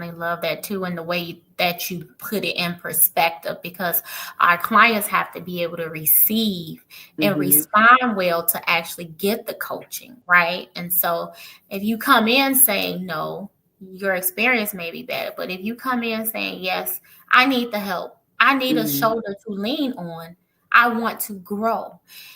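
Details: Adult woman speaking; typical voice.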